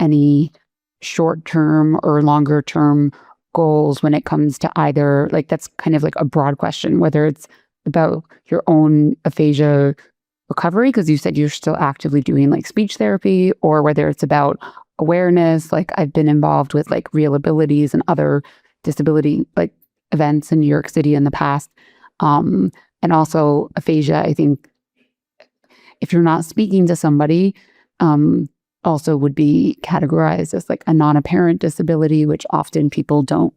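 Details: Adult speech, possibly two speakers in conversation; ordinary speech.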